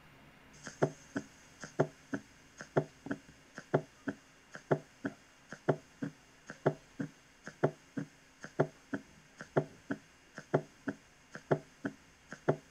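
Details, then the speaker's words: S4 gallop teaching example from a cardiac auscultation tutorial: regular heartbeat near 62/min with a soft extra sound just before S1. "mientras que el s 4 va a sonar entonces junto justo antes del s 1 tal cual como este"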